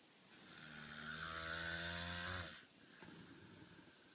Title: Cali snoring